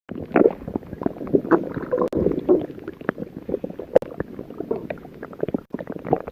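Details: Stomach growling (borborygmi): continuous low gurgling and bubbling rumbles with irregular pops and squelches.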